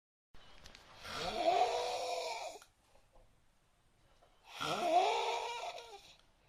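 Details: Snoring described as the strangest in the world: two long, loud, rasping snores with a rising whistling tone, separated by a quiet pause.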